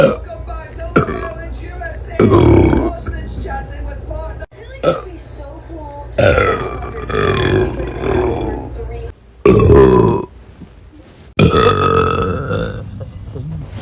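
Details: Burping: a string of long, loud, rumbling belches one after another with short pauses between them.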